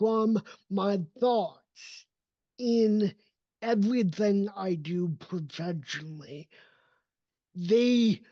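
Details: Adult male with cerebral palsy, a neurodevelopmental disability; voice emerged only at age seven after extensive speech therapy and still needs constant training; dysarthria.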